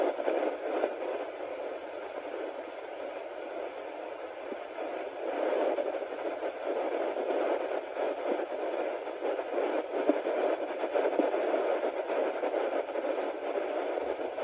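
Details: Home fetal Doppler (Sonoline B) at 9 weeks of pregnancy: steady hiss and crackle with no clear, regular fetal heartbeat picked out; unsure whether the heartbeat is being heard.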